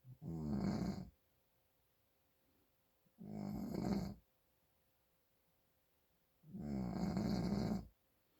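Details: Snoring in a father with nasal congestion: three long, rough, rattling snores on the in-breath, about 19 a minute, with quiet gaps between.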